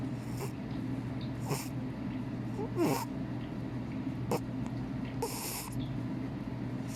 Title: ever wonder what a snoring cat sounds like? #justforfun